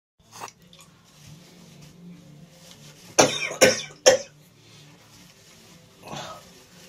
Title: Yet again more cold sneezes